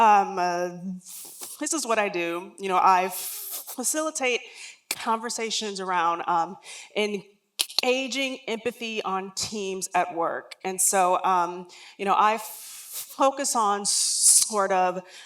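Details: Adult woman with self-described lifelong stuttering, real stuttering heard during a public talk.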